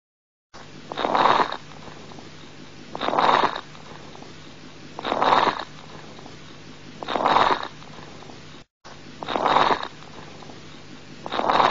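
Rough, noisy breaths at about 29 a minute, heard as crackles: fluid or secretions in the small airways.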